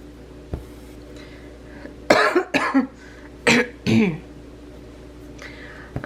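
Four harsh, rough coughs in two quick pairs, heard in a quiet room; a chesty cough.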